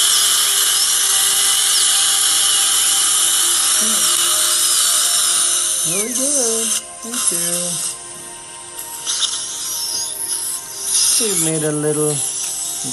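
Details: Surgical drill with water irrigation cutting bone around a lower left third molar during surgical extraction in a female patient: a loud, high-pitched whine with brief background voices.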